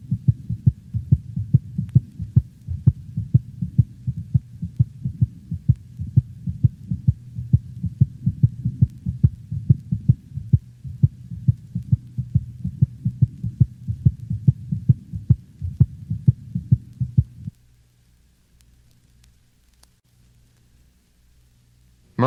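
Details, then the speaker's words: Normal dog, recorded over the pulmonic valve: second heart sound shorter and higher in frequency than the first; normal heart sounds. "the second heart sound is shorter and of higher frequency than the first sound it is best heard over the pulmonic valve"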